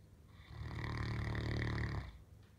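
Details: A single loud, deep, rattling snore lasting about one and a half seconds, from a sleeper on the couch: snoring.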